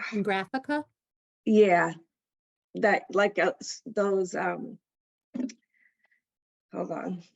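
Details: Adult female stroke survivor with post-stroke aphasia who attends an aphasia center; aphasia.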